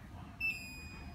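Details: Ampall IP-7700 infusion pump during a setup demonstration: a brief high electronic beep over low room noise, an infusion pump alarm.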